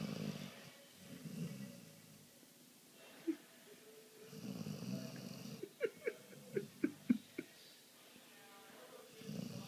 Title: Funny vizsla puppy snoring - My vizsla Max sleeping, very funny.